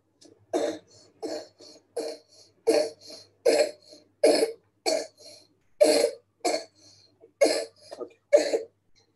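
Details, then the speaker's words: Child with neuromuscular disability, severe scoliosis and recurrent right-sided aspiration: repeated wet, rattly coughs with secretions heard in the throat, typical of a swallowing problem. "now i hope you will be able to hear this cough this is a wet sounding cough"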